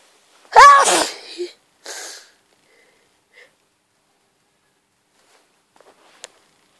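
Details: Wet sneezes during a mini cold, occurring in doubles or triples and feeling like allergy sneezes: a loud, explosive sneeze after a sharp intake of breath, then a softer breathy burst, then quiet.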